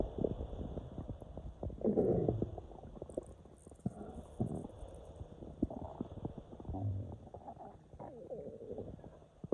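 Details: Long low gurgling and rumbling with bubbly pops throughout: loud bowel sounds from gas moving through the intestines during intestinal cramps on waking.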